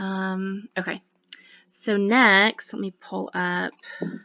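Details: Adult speaker; ordinary speech.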